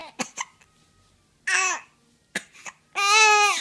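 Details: A child who dislikes hiccups is heard hiccuping.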